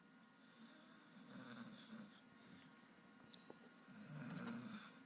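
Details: Snoring with twitching: soft, rumbling snores that rise and fall with each breath over a faint background hum; snoring.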